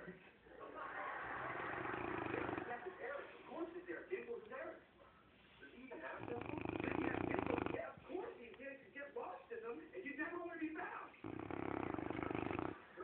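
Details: A sleeping Cane Corso dog snoring loudly and roughly about every four seconds, with snorting and rattling between snores; ordinary snoring.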